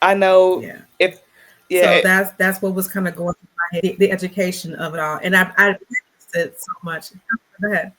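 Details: Real stuttering in an adult black woman who describes herself as a person who stutters, in a conversational interview with word repetitions; stuttering.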